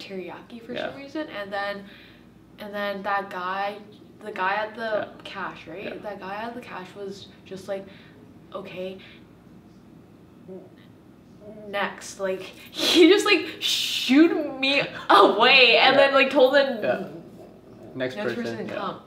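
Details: Woman who has stuttered since she started talking and still blocks on the same letters; stuttering.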